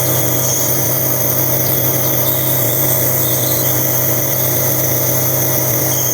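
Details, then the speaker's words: Nebulizer compressor running at night, about 10 pm, for a sleeping 9-month-old baby with cough and colds for over a week; a steady, loud mechanical hum and buzz with a constant low drone throughout. "gabi na guys pero kailangan kong magp nebul sa aking baby kasi meron siyang upo at sipon so alas Anong oras na 10:00 na ayan inb ko siya tulog siya maingay lang ung Med live"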